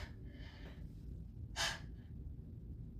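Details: Grass-induced sneezing at the start of fall with a high pollen count, in a person without known plant allergies, talking between hitches: quiet breathy intake, then a sharp loud burst, the pre-sneeze hitching gasp.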